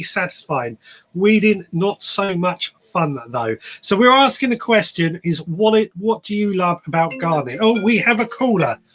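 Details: Adult speaker; normal speech.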